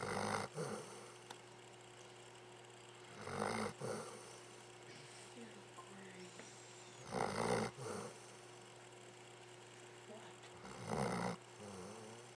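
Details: Pet dog snoring again, with rough, rumbling, irregular snores at about 16 per minute, quiet breathing between, and faint room noise: dog snoring.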